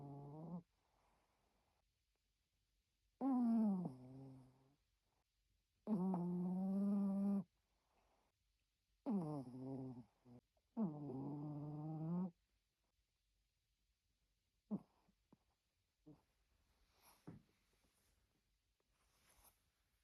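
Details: Yorkshire terrier snoring: several loud, tonal breaths with a rattling, whistly quality separated by quiet pauses, followed by faint snuffles.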